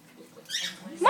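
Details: Dog sneezing repeatedly: a short, airy, hissing burst, with another sharp burst starting as the clip ends; the owner asks if the dog has a cold and notes snot everywhere.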